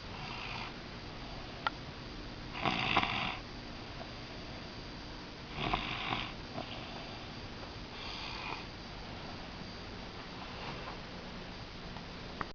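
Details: Snoring of a tired female sleeper: soft, breathy snores about every three seconds, roughly 20 a minute, over steady room hiss.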